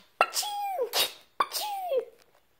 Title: Babies sneezing compilation